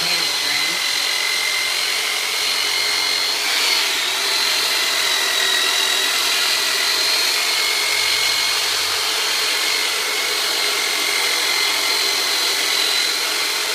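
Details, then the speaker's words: Steady high-pitched motor whine of a powered soft-tissue release instrument used in chiropractic care on the sides of a large man with low back problems, who takes deep breaths during treatment. "now Robert's pretty good size guy so I'm going to pull out the turbo nator on him so Robert just going to sound like I'm sing you in half but I'm not"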